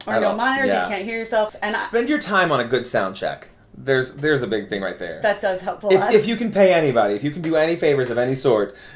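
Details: Adult speaker; Normal conversational speech.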